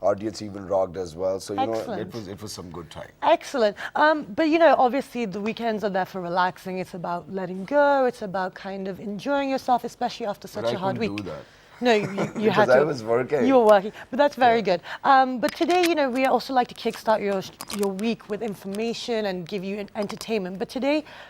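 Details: Adult TV host; normal speech.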